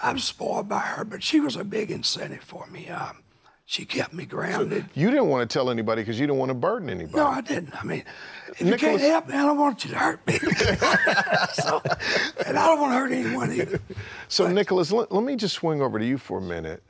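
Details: Adult man with a rough voice from laryngeal cancer, a vocal cord spot found by an ENT specialist and confirmed by biopsy about 23-24 years earlier; now cancer-free, voice remains altered; dysphonia after laryngeal cancer.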